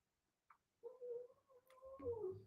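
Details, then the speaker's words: Dog sleeping in a quiet room: faint, high whistling breath sound ending in a brief rough snort; snoring. "that's my dog snoring can you believe that did you hear that Ellie that's Bob snoring"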